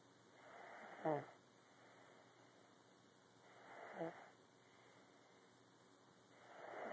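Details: Snoring: soft, slow snoring breaths about every three seconds, ending in a brief snort.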